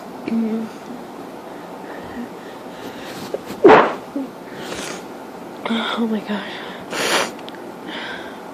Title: Part 2 of grass pollen sneezes